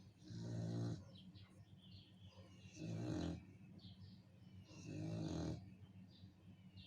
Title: aw snores